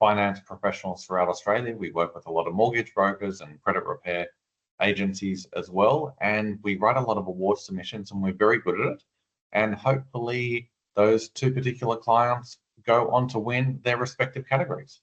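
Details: Adult man speaking; normal speech.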